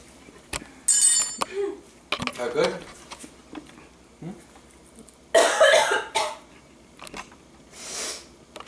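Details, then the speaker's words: Cinnamon challenge: harsh coughing bursts mixed with gasping and brief talk from choking on ground cinnamon; person afterward says they couldn't breathe, mouth burning; cough. "I couldn't breathe. You know, people die from the cinnamon challenge."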